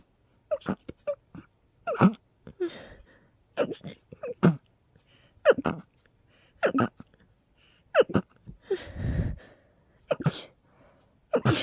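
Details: Sneezing fit in a person with a cold and allergies, with intense episodes every couple of hours that day: a rapid run of short, forceful sneezes with gasping breaths and moans between them.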